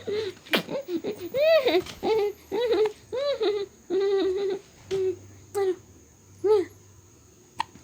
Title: Cough - Laugh :)